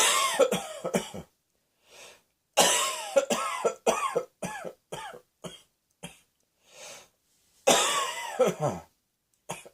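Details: Three bouts of repeated harsh coughing, each a rapid string of bursts with a breath drawn in between bouts.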